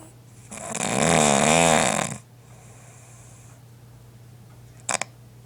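One loud, rattling snore on the breath in, then a quieter breath out over a steady room hum.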